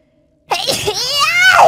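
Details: A single sudden, sharp, forceful sneeze with a high, voiced, rising sound after a moment of silence, from a VTuber during a stream, described as a combo of three sneezes.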